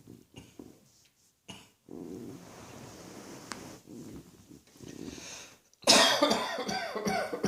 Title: Cross Dressing Coughing 131